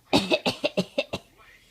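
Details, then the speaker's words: Young child's voluntary fake cough imitating the father: a quick run of six short, light, deliberate coughs. "Tell Daddy why you mad. Show him you were fake coughing."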